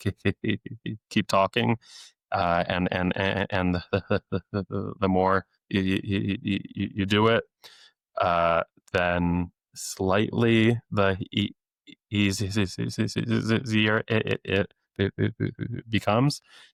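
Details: Stuttering since age eight in an adult male speech-language pathologist who deliberately lets it show; repetitions of sounds, words and phrases.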